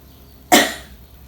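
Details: A single strong, sharp voluntary cough after a slow deep breath in through the nose, from an adult female patient doing nurse-guided chest physiotherapy and effective coughing to clear sputum.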